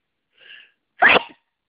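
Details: Sneezing from tree-pollen allergy on a spring day, part of a sneezing fit: a soft intake of breath followed by one sharp, explosive sneeze.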